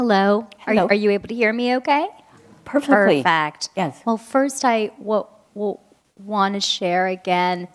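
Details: Audience member, a woman who says she has a stutter, asking a question; stuttering.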